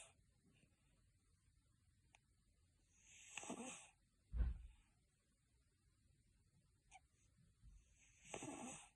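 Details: A cat, congested on 19/05/2024, makes slow, rough, snuffly snoring breaths during sleep, consistent with nasal congestion.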